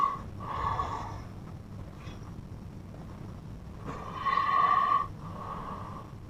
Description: I did record the snore of my brother because it was so very loud. It looks like a snore from a monster that eat my homework.